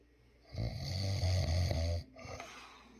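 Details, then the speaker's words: Man who snores very loudly at night, getting even louder: a single deep, rumbling snore on an in-breath, lasting about a second and a half, in a quiet room. "er he snores very loud and actually it gets even louder papa bear says he has a snore at night"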